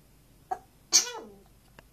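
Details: African grey parrot: two quick sharp bursts, the second a hissing snort trailing off, followed by a faint click; sneezing.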